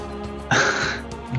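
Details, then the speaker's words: One abrupt, harsh adult cough burst over steady background music, briefly louder than the music, then fading; described as sounding like a horrible cough. "and hopefully da Will Survive till the next show hopefully cuz that sounds like a horrible cough"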